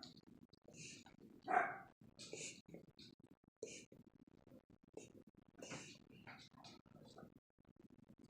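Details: Dog with episodes that looked like a reverse sneeze, teeth chattering each time; quick, irregular snorting and snuffling sounds in a quiet room, consistent with reverse sneezing.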